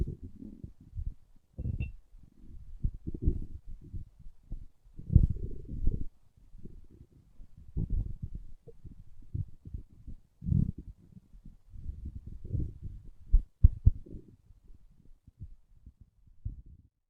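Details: Low, irregular gurgling and rumbling from an adult's stomach: ordinary growling bowel sounds (borborygmi).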